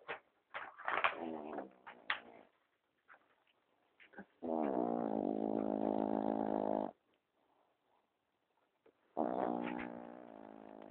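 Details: Affenpinscher dog snoring at night in a quiet room, short snorts then long, buzzy, droning tones lasting a couple of seconds each.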